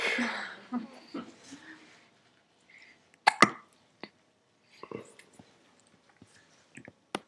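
A handful of brief, sharp, abrupt bursts at irregular intervals in a quiet room, fitting hiccups.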